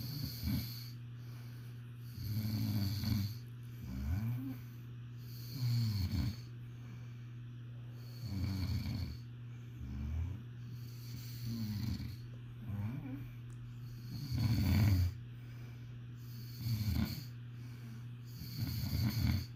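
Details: Steady, low snores with each breath, about every two seconds (roughly 28 per minute), from a sleeping person over a constant room hum; snoring.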